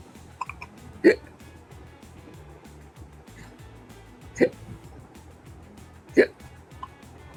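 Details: Infant girl with persistent hiccups that wouldn't stop, after a day of not sleeping: three short, sharp hiccups several seconds apart over background music and room noise; ordinary infant hiccups.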